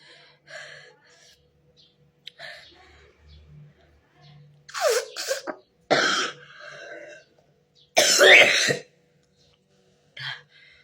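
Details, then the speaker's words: Adult woman (mother) with very high fever and flu, painful cough so hard it causes vomiting and urine leakage: coughing. "Batukku sakit sekali, sungguh, batuk itu menyakitkan ."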